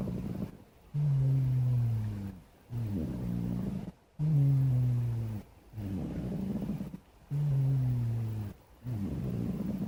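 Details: Black cat asleep: loud, low, rumbling snores on each breath, about 12 breaths a minute, with both in- and out-breaths audible; snoring.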